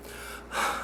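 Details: Deliberately triggered childhood complex tic in a man: vocal phonation with forced eye closure and neck jerk, recurring after onset; meets Tourette syndrome criteria but not formally diagnosed; formerly many times daily with pain and facial swelling; vocal tic.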